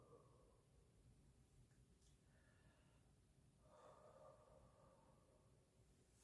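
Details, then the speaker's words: Normal breath sounds heard through a pre-warmed stethoscope on the upper back at C7 during a physical assessment, as the patient takes deep breaths with the mouth open. "I'm going to start by listening to the tops of your lungs at C7 if you can please take um some deep breaths with your mouth open"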